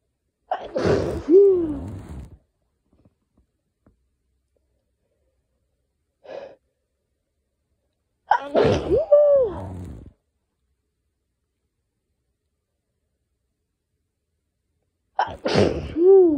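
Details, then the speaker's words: Repeated sneezing from pollen allergy with very itchy, sensitive nose: three loud sneezes, each preceded by a sharp in-breath, with a small sniff between. "all of my sneezes sounded like that and and I would just have to keep going to the bathroom because my nose was so itchy"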